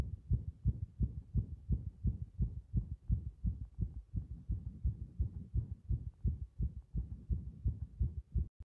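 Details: Compressed heart sounds with arrhythmia: fast, deep heart thumps around 85 beats a minute, with uneven spacing in places from an irregular rhythm.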